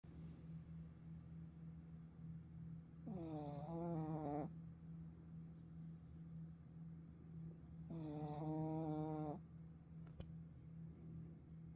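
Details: Sleeping puppy snoring: two high, whistly snores about five seconds apart over a steady low hum.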